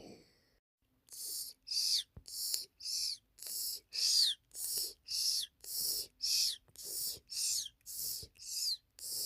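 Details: Snoring with whistling and talking-like vocal sounds during sleep.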